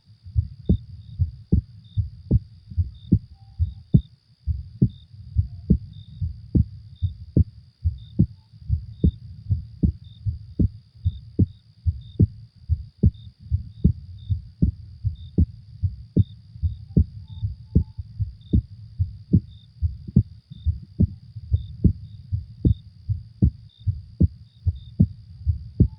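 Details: Steady, low, thumping heartbeat at about 74 beats a minute, with faint night insect sounds behind, presented as a heart sound to fall asleep to.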